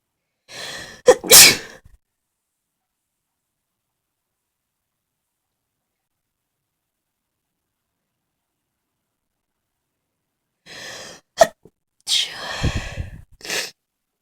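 A sneeze with a gasping in-breath, a long silence, then another sneeze followed by a nose blow.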